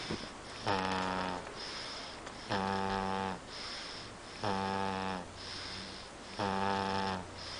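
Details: Snoring during sleep: loud, regular buzzing snores, four in about eight seconds (roughly 30 a minute), each with a rattling tone on the breath; ordinary snoring.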